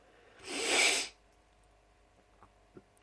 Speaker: going to sneeze again I'm sorry there's another one I'll be right back again and I'm back sorry that time I had to blow my nose cuz as you saw I sneezed my face off